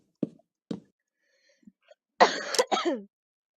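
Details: Two short dry coughs, then a longer rough throat-clearing burst from a male gamer while narrating commentary over his old gameplay videos; a plain cough.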